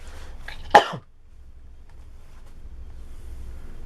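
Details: One forceful productive cough with a brief throat-clearing tail, bringing up phlegm, in a person with a common cold, cough and suspected strep-like sore throat, no fever; treating with salt-water gargle, with phlegm no longer bloody.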